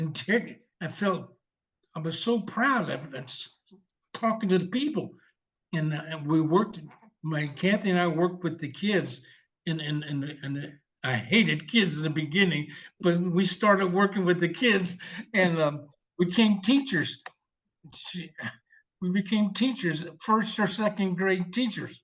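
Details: 74-year-old male veteran with aphasia from a stroke 7 years earlier, receiving long-term speech therapy; aphasia.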